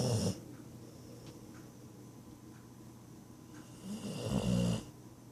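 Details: Bull-breed dog asleep on a person's lap, snoring: a loud rattling snore at the start and another near the end, with quiet breathing between.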